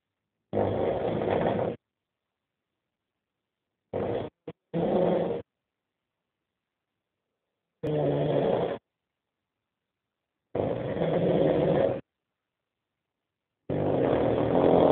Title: Вот это храп / Here is snoring.mp4